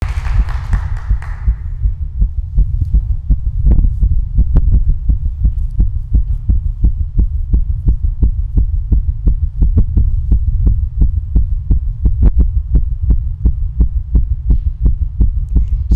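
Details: Female heartbeat, described as fast and skipping: rapid, low, muffled thumps with uneven spacing and occasional gaps, and a brief hiss at the start; a fast irregular heartbeat with skipped beats.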